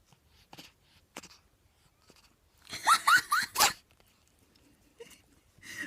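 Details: Cat trying to eat popcorn that makes her sneeze: a quick cluster of three or four small, sharp sneezes amid faint household sounds; sneezing.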